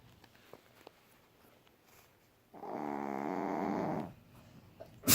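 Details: Tired dog snoring loudly during sleep: one long, buzzing, vibrating snore lasting about a second and a half in a quiet room.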